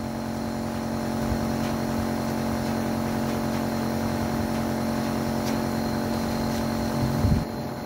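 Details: Nebulizer compressor running during nebulization: a steady motor hum with a low buzzing drone throughout.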